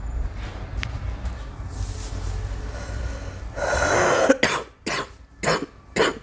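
After a noisy breath, a run of about four short, separate coughs from a child.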